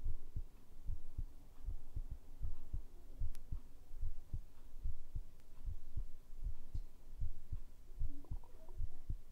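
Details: ASMR heartbeat recording made with a binaural microphone: a steady low thumping heartbeat at roughly 77 beats per minute over a soft hum, a normal heartbeat.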